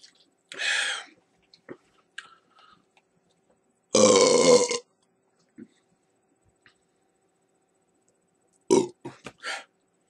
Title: Four loko chug with burps and shoutouts